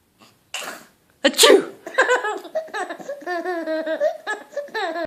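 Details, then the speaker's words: Mother's single loud, playful sneeze on request to amuse her 10-month-old son, followed by the baby's giggling and laughter; sneezing. "You want Mummy to sneeze? Ready? Achoo!"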